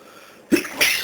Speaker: hey everyone it's my first video and I will try to sneeze with opened eyes yeah I know it's not very easy but it's fun